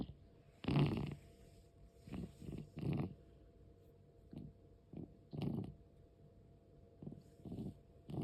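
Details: 13-year-4-month-old cat with asthma: irregular low rasping, snore-like breaths with pauses. The noisy breathing also occurs during sleep, and sometimes stops.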